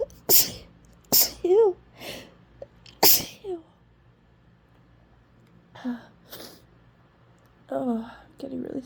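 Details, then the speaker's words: Person with an intense nasal tickle trying to hold back sneezes, saying "I'm not going to sneeze": three loud, sharp sneezes, each with a short voiced sound, then softer sniffing. "God this tickles really intensely I'm not going to sneeze I'm not going to sneeze don't sneeze we'll end it on a successful hold pack"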